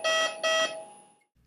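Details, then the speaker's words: Vapotherm Precision Flow Plus high-velocity nasal insufflation unit, blocked tube alarm triggered in a demonstration by occluding the end of the delivery tube: two loud, steady electronic beeps fading away; flow paused until the occlusion is relieved. "the first alarm we will demonstrate is the block tube alarm by simply occluding the end of the delivery tube you can see that it triggers the alarm"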